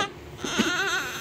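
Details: Newborn baby boy, 3.4 kg, second child, just delivered by normal birth at 6:04 am: a brief thin wail over room noise; normal newborn cry.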